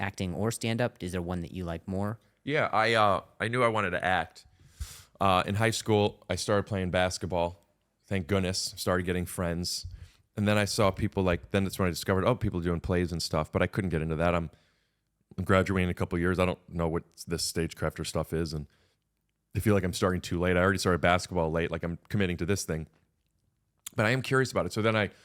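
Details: Adult man speaking; normal conversational speech.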